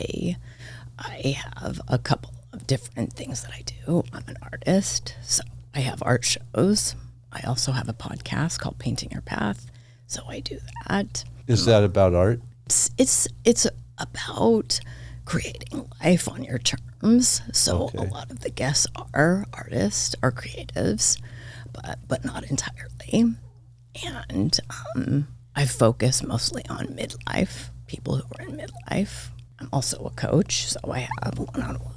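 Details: Adult woman diagnosed this year with spasmodic dysphonia; vocal cord spasms make her voice cut in and out, sometimes hoarse, varying unpredictably; she attributes it partly to voice overuse and stress; real, noticeable during recording; spasmodic dysphonia.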